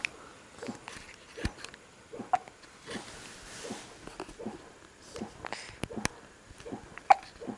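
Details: Young girl's hiccups: repeated short, abrupt gulping sounds at irregular intervals, about ten in seven seconds, in a quiet room.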